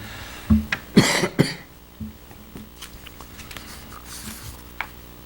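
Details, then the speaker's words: A short cluster of about three harsh coughs from an adult speaker at a town board meeting, who says they think they have a cold; cough. "for those of you listening to me please excuse my voice i i know most of the time my voice is bad but it's worse now i think i got a cold or something"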